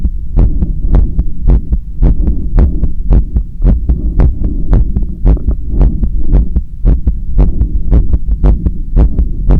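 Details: Self-recorded stethoscope strapped to an adult's own chest during bicep curls with a resistance band: fast, strong heartbeat about 110 a minute with rubbing noise: exercise-related rapid heartbeat.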